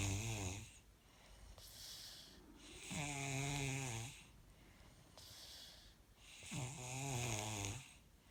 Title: Snore snore snore